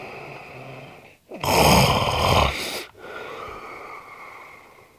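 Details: Heavy snoring from a sleeping man: one very loud, harsh, rattling snore on the in-breath, with softer noisy breathing before and after. The snoring is said to sound like many different animal noises.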